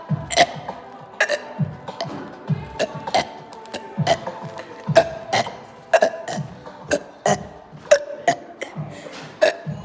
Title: y’all wanna see my burping video